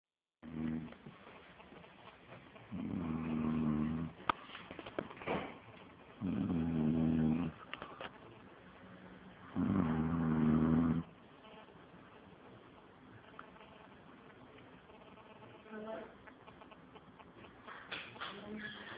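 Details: Snore test recording: loud, rough snores on each inward breath, about four in the span, with quiet pauses between.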